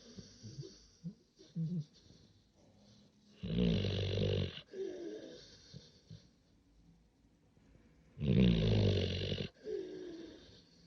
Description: Just my big puppy sleeping peacefully while snoring.